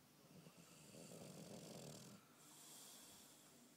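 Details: Bulldog snoring lightly during sleep: soft, noisy, rattling breaths in a quiet room, rising and falling with the breath.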